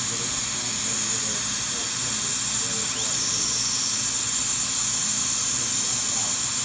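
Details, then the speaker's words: Steady high-pitched hiss and whine with faint room noise as a high-speed dental drill runs continuously with a smaller 012 burr, preparing teeth #7 and #8 for porcelain veneers with lingual chamfer margins. "So we have to drop down to a smaller burr. So I'll go down to the 012 and try to do as much with that as I can."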